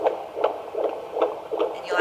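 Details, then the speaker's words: Fetal heart rate acceleration heard on the maternal abdomen: rapid, regular whooshing heartbeats rising from a 140–146 baseline to 162 per minute after the baby moves, a reassuring sign of fetal well-being. "actually hear the heart rate accelerate this Baby's Gone up to 162 so that's a good sign that the baby is doing doing well in there"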